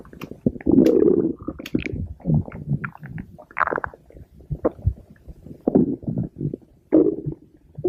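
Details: Stomach growling (borborygmi) from the belly of a sister ("my girl"): irregular gurgling, bubbling and low rumbling sounds with squeaky surges.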